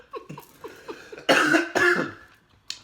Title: SOUR PICKLES & WHIP CREAM CHALLENGE | (COUGHING!!)